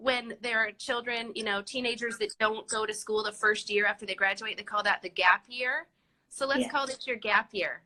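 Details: Adult woman speaking; plain speech.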